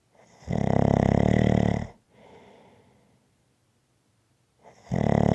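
Two loud, rough, rumbling inhaled snores with a quieter exhale between them, in a quiet room.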